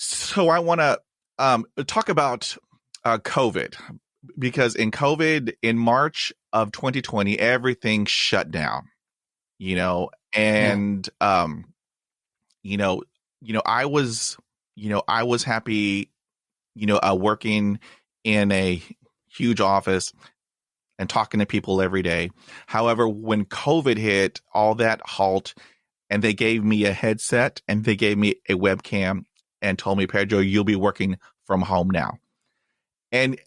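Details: Real stuttering (stammer) in a 53-year-old man who stutters; he reports ongoing blocks and repetitions, including when talking alone.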